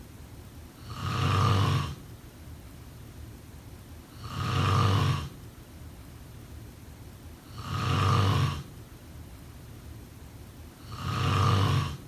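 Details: Snoring during sleep: regular, deep, rumbling snores, four in twelve seconds, about 18 breaths a minute.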